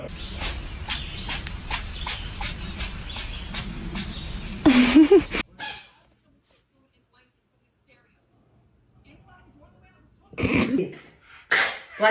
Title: Do cats sneeze continuously?